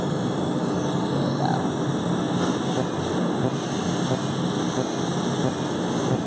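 Steady loud blowing roar of a cold-air chiller running continuously during laser hair removal.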